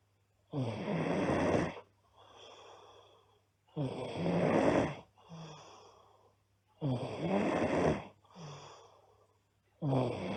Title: Loud Snoring Girl